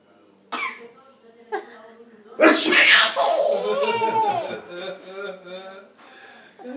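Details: Adult sneezes: two small sharp bursts then a loud forceful sneeze, followed by a baby's voice and laughter as the infant laughs at the sneezing, in a small room.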